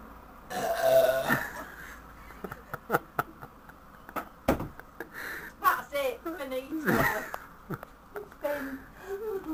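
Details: Woman burping on demand in a burping contest, reportedly helped by Diet Coke; several loud, drawn-out voiced belches with throaty rumbling between quieter breaths and mouth noises in a small room: burping.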